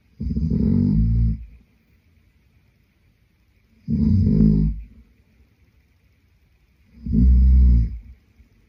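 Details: Sleeping adult man: three loud, deep, vibrating snores with silent pauses, about 18 breaths a minute; snoring.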